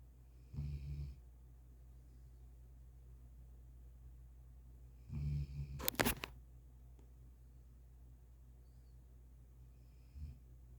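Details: Low snores: low, rumbling snores about every five seconds, with a sharp snorting burst after one of them.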